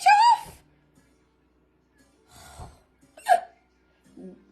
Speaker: I don't even know who this is watching right now, but I have the hiccups. So don't judge me.